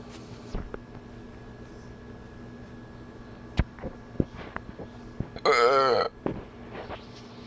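One loud, long burp about halfway through, with short clicks and brief voices around it in a quiet room.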